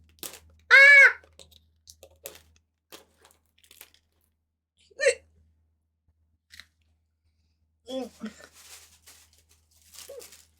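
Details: Several short, sudden voiced hiccups, one loud, from a streamer during a live stream, scattered among rustling and handling noise in a quiet room. Hiccups.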